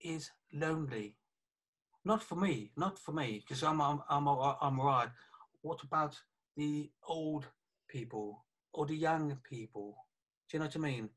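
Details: 48-year-old man, a police detective, with aphasia affecting communication after a stroke about three years earlier, plus right-sided weakness of his hand and leg; aphasia after stroke.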